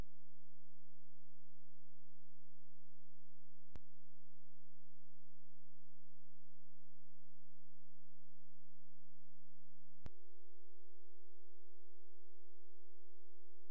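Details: Steady low electronic tone switching to a higher tone, with brief clicks: phacoemulsification machine signalling during cataract surgery performed without viscoelastic.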